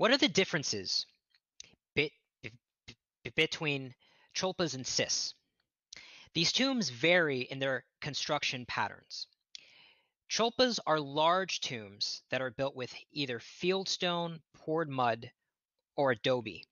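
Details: Real stuttering with word repetitions in an adult man who states he is a person who stutters, heard during a lecture he is giving.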